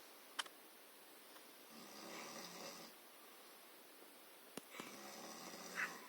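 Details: Sister snoring in sleep: soft, breathy snores in a quiet room, two drawn-out breaths with a light rasp and a few clicks between; mild snoring.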